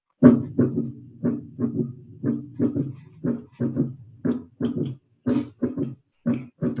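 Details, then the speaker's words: Regular heart sounds near 60 a minute with an added early diastolic sound after the second, a third heart sound. "Insuficiência mitral é do terceiro ruído. Ou miocardiopatia dilatada. Lembra da dilatada? O coração fica cheio de sangue. A câmara cardíaca aumentou de tamanho, muito volume. Aumento de volume. Terceiro ruído."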